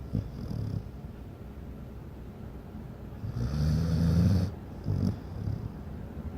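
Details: Loud snoring during sleep, filmed in low light: a low rumbling snore with a longer, louder rattling inward breath over faint room noise.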